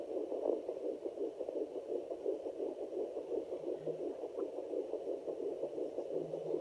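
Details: Fetal Doppler at 10+ weeks of pregnancy: fast, soft whooshing pulses over steady static, the fetal heartbeat.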